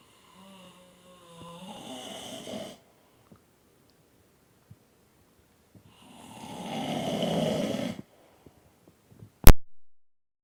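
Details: Adult man (a dad) asleep in his chair, snoring: two loud, rattling inspiratory snores separated by quiet pauses, then a sharp click; ordinary heavy snoring.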